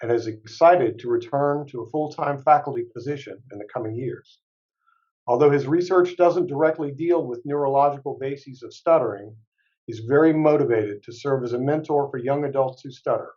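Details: Adult male speaker; Normal fluent speech.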